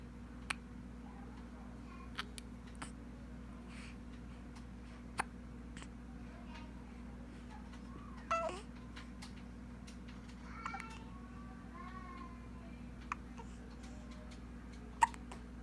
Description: - having hiccups